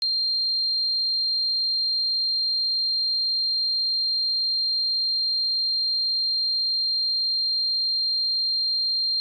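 Steady, unbroken high-pitched tone throughout, a simulation of the constant ringing heard in tinnitus.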